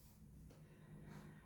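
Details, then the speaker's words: A dog (female) snoring loudly indoors: low, rough rumbling breath sounds. "sorry I'm laughing but my dog is snoring very badly now"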